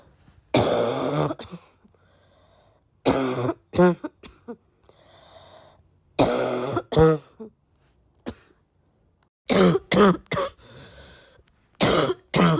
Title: hard barky coughing fit